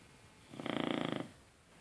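A single rattling, fluttering snore lasting under a second, on a quiet background.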